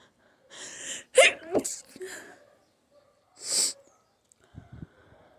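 Two forceful sneezes with sharp intakes before them, then quieter nose-blowing sounds; a sneezing fit.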